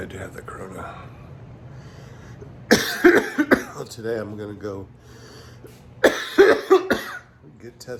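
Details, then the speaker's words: Cough from a man on day 3 after COVID exposure who woke with a mild cough, difficulty taking a deep breath and fever of 99.8°F, going for testing. "so i woke up with a mild cough chest feels like it's kind of kind of like um it's hard to take a deep breath"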